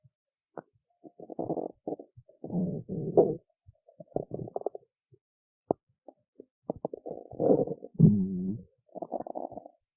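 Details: Adult woman's irregular gurgling and rumbling bowel sounds from an empty stomach after skipping lunch; ordinary hunger noises (borborygmi).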